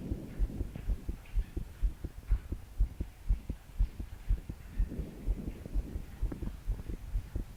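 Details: 22-year-old female trying to calm her heart to sleep after deep breaths failed. Strong, fast, regular thumping heartbeat about 120 a minute, her body shaking with each beat, soft breathing and steady rain behind: pounding palpitations.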